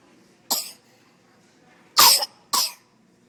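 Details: Coughing in an emergency room, recorded on an Android phone: three short, harsh cough bursts in a quiet room, one single then two close together.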